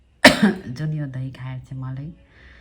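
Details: Single sharp cough followed by drawn-out voiced groaning throat sounds, from someone living alone who is severely ill with fever, cough, cold and sore throat.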